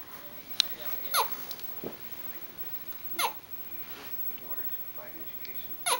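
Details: Infant hiccups: four short, abrupt hiccup sounds a couple of seconds apart, with soft baby sounds and room hiss.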